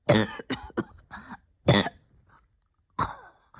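Two short bursts of harsh coughing followed by a throat-clearing cough; a lingering, persistent cough.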